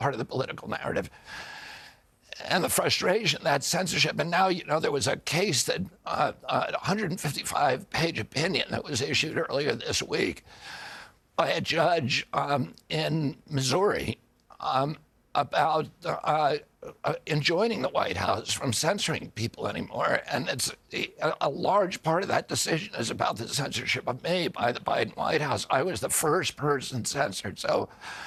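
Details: Adult man with neurological spasmodic dystonia of the vocal cords, which tighten constantly, beginning after an injury in 1996 at age 42; surgery in Kyoto about eight months earlier made his voice more reliable; spasmodic dysphonia.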